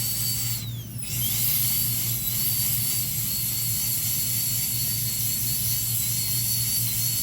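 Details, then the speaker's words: Continuous high-pitched dental drill whine over a low hum, pitch dipping briefly as the bur engages, using outward movements to widen a primary molar's cavity and remove overhangs during pulpotomy de-roofing. "So wherever you see the overhang, we make sure, again, we widen the cavity in those portions. Again, if you can observe, it's the outward movements."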